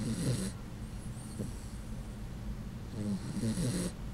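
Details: Sleeping Puggle dog: loud, fluttering, rumbling snores at the start and end with a quiet pause between, described as sounding human-like; heavy snoring.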